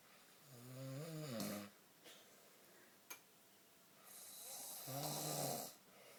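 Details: Sleeping and knocked out, snoring: two soft, rising, buzzy snores, each ending in a breathy hiss, with faint clicks between; snoring.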